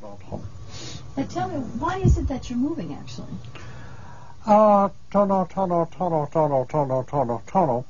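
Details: Fluent speech with phonemic paraphasias and perseverative repetitions; conduction aphasia.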